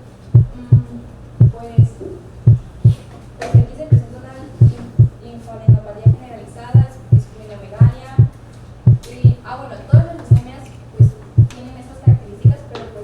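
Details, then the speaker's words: Regular heart sounds about 56/min with a sharp first sound louder than the second, linked to a short PR interval; loud first heart sound, faint background music. "Dentro de ciertos límites se encuentra que si el intervalo PR es de 0.12 segundos, el primer ruido cardíaco es agudo y más intenso que el segundo ruido."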